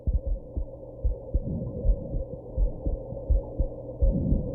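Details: Heartbeat after drinking alcohol and smoking, with hiccups: steady low thumping at roughly 80 a minute over a faint hum, hiccups not clearly distinguishable; heartbeat.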